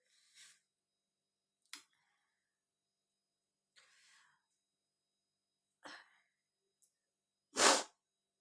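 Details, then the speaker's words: A woman in a sneezing challenge, provoking sneezes with a saree corner and a matchstick in the nose, with watering eyes: soft sniffs and breaths, then a single sharp, forceful sneeze. "हो गया, फाइव हो गया। Five sneezing हो गया।"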